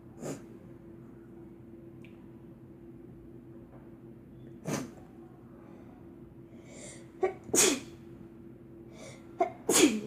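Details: Girl with a doll sneezing: a run of about five short, sharp sneezes, some in quick pairs, with quiet breathing between; sneezing.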